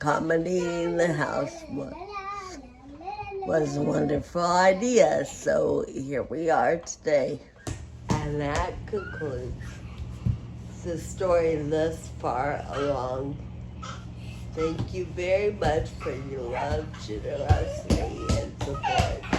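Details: Adult woman with Friedreich ataxia who uses a wheelchair; her speech may need captions to follow; ataxic dysarthria.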